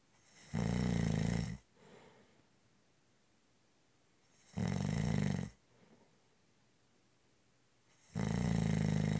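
Loud, low, rattling snores about a second long, one every three to four seconds, with quiet breathing between them: snoring.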